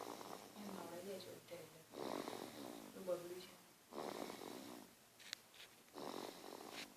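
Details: Snoring from a sleeping baby; soft, fluttering snores with breaths recurring irregularly at about 30 a minute in a quiet room.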